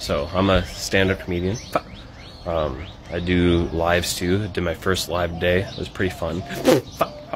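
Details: Adult man with Tourette syndrome, vocal tics occurring between sentences while he talks; Tourette syndrome vocal tic.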